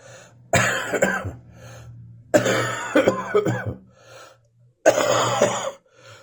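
Three bouts of harsh, rough coughing mixed with throat clearing over a low background hum; a persistent morning cough.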